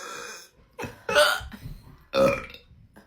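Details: Person drinking cherry Coca-Cola Zero gives several loud, drawn-out, gurgling burps in quick succession with short pauses between them; burping.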